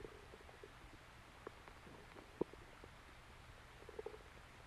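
Quiet gurgles and brief squeaky bubbling bursts over soft hiss; ordinary stomach growling.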